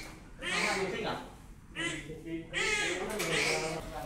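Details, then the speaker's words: Three strong, loud birth cries from a newborn just delivered by caesarean section after a difficult labour, faint operating-room noise behind; newborn cry. "Các bạn có nghe thấy tiếng khóc chào đời của em bé chưa ạ Mẹ Trang đã nghe thấy và có vẻ đang rất xúc động rồi"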